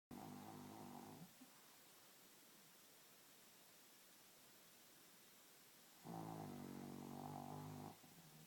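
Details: Two-year-old female pug asleep at night, two drawn-out, rattling, buzzy snores separated by a quiet pause: snoring.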